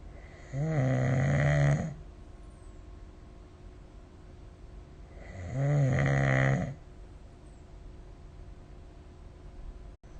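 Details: Adult snoring during sleep, recorded with the SnoreLab app: two loud, rough, rattling snores on inhaling, about 12 a minute, separated by quiet pauses.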